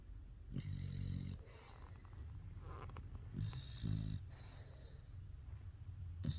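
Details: English bulldog snoring: low, rumbling breaths repeating about every three seconds, each followed by a softer airy exhale.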